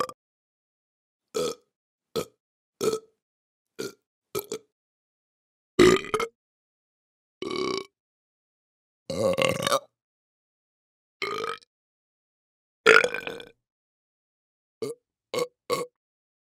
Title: Burp and Belch Sound Effect